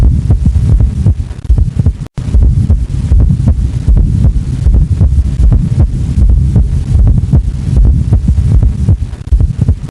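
Low, regular heart sounds at about 77 beats a minute, with an extra soft sound just before the first heart sound giving a galloping rhythm. This is an S4 or atrial gallop, made when the atria push blood into a stiff, poorly relaxing ventricle.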